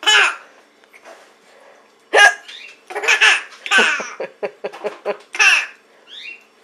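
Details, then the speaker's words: Mother's hiccups, short sharp catches, mixed with a young child's bursts of laughter at them; hiccups. "mommy has hiccups and thinks it's the funniest thing to listen to Mommy's hiccups"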